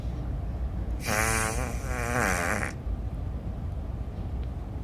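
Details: One loud, buzzing, fluttering snore lasting almost two seconds over steady room noise; Mimi snoring, louder than another snorer in the household.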